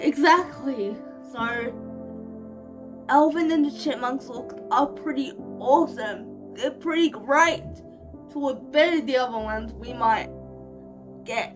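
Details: 25-year-old woman living with cerebral palsy, speaking naturally in a vlog: dysarthric speech in cerebral palsy.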